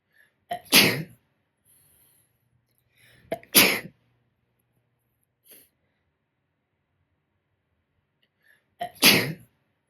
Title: morning sneezing fit